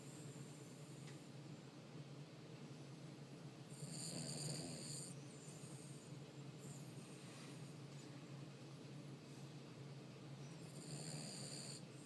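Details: Soft, low rattling snores from a sleeping dog, sounding like a person, audible on breathing out as her mouth moves, with faint chirping and hiss in the room; snoring.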